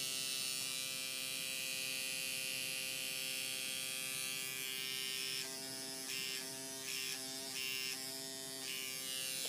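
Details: Microneedling pen on a client's face, depth lowered to 0.25 for forehead, nose and upper lip, then back to 0.5: steady high-pitched electric buzz, briefly interrupted as it touches and lifts from the skin; normal operation.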